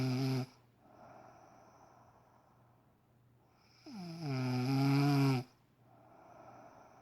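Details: Adult woman snoring loudly in sleep early on a Saturday morning: a harsh snore on each in-breath with quieter breathing between; heavy snoring.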